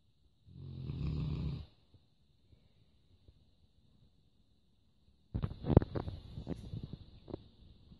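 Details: Sleeping Labrador, one low, rumbling snore, then quiet, then a burst of snuffling and snorting noises; snoring.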